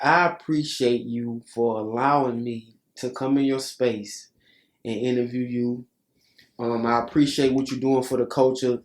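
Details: Adult male speaker; Normal speech.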